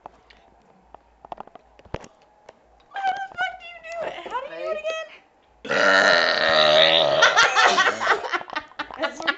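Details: Deliberate burping by a girl known for burping amazingly, during a night at a friend's house: faint clicks, a short voiced croak, then a long, loud throaty belch with laughter nearby; burping.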